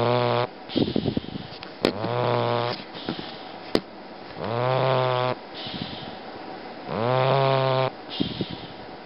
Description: Snoring Bulldog